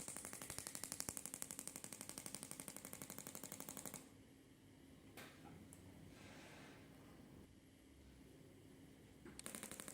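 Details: Shockmaster 300 Gymna shockwave therapy for grade 2 cellulite, 1.6 bar, 12 Hz, 20mm head, gel, in systematic strokes up the leg: rapid, regular rapping pulses in a run, a pause of several seconds, then resuming.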